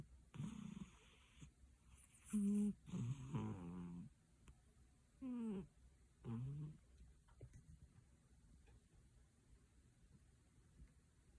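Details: A chunky sleeping cat gives loud, uneven snoring snorts, then falls quiet for several seconds; owner suspects sleep apnea: snoring with possible sleep apnea.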